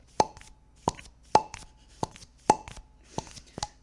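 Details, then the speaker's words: Repeated sharp plastic clicks and pops, roughly one a second, from an ointment applicator being worked by hand; its mechanism is described as similar to a tampon applicator. "the sound it makes when you use it too really yeah the mechanism is similar to a tampon"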